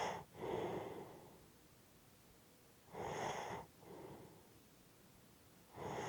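Slow, heavy noisy breaths with snorting inhalations, about 20 a minute, typical of snoring during sleep.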